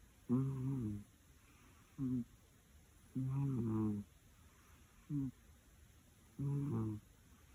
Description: This funny cat snores while taking a nap!